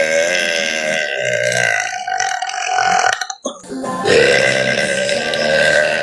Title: Fine Girl Let's Out Loud & Long Burps